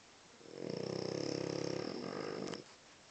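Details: A dog named Wicket snoring: a single long, rattling, fluttery breath lasting about two seconds.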